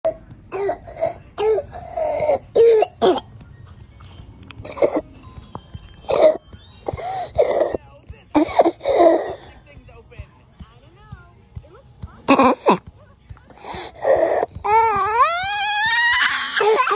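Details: Young boy with croup: repeated harsh, barking, seal-like coughs.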